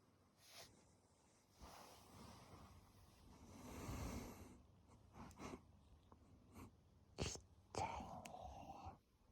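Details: Infant aged 143 days, sleeping: quiet, irregular noisy breaths with soft snorting sounds and a few sharper bursts; light snoring.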